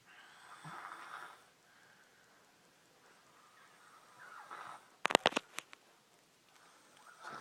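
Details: Male in normal sleep with his head cocked up: soft, breathy snoring breaths with a brief snorting burst in the middle; snoring.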